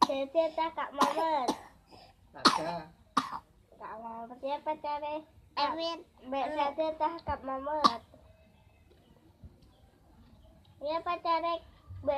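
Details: Sick child coughing in several short clusters between bursts of voice, with quiet room noise; cough.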